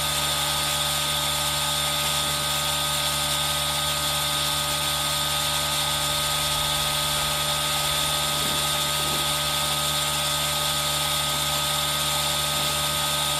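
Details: ASMR recording of a running aerosol nebulizer: a steady hissing, humming machine noise with a constant motor tone, mixed with rain sound.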